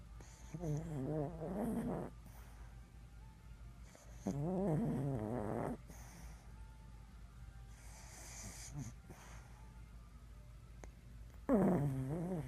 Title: Macy snoring loudly